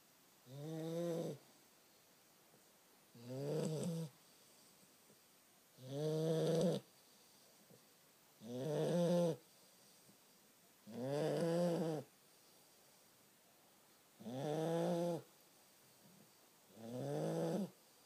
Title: Sheldon The Staffie Snoring Again!